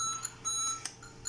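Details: Ventilator alarm beeps: short repeated high electronic beeps from a Siemens Servo 300 mechanical ventilator during calibration in a quiet room, tidal volume out of range.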